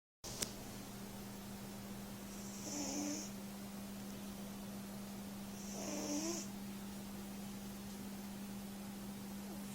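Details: Cat asleep in bed, said to snore almost whenever sleeping: two soft, whistling snores about three seconds apart over a steady room hum: snoring.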